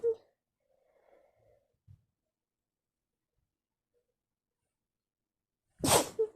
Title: Sneeze attack on bed at nigth